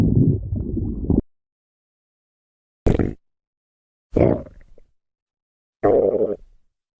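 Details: Four low gurgling, rumbling bursts separated by silence: ordinary stomach growling.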